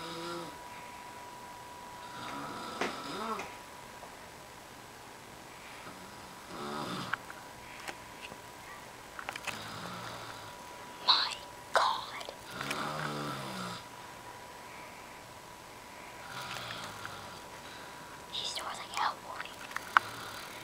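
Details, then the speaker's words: Snoring in a grandmother in her 70s: rough, rattling snores on inhalation, repeating every few seconds, with quiet breathing between; ordinary snoring during sleep. "Hi, I'm Akshay, and this is proof that my grandmother does snore."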